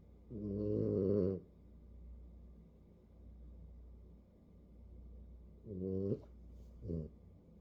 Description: Snuggled all into a furry ball, sound asleep but snoring and has the hiccups!